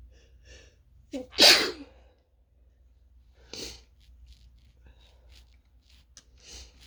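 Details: Sharp loud sneeze with a quick inhalation, then a softer second sneeze a couple of seconds later in a quiet room, from someone coming down with something while working from home.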